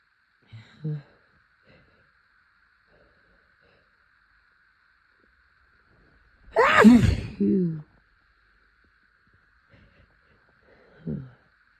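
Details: Person on a heavy April allergy day sniffs flowers, then chhinkni (sneezing snuff), triggering a rapid, intense fit: a single loud, explosive sneeze with sharp intake and voiced release, quiet breaths and faint sniffs; sneezing.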